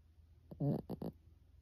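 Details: Brief rattling, snorting snore bursts, much like a person's snore, from a sleeping pet Pekingese dog.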